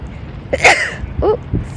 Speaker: A sneeze coming. Oh, I did. Ooh, excuse me.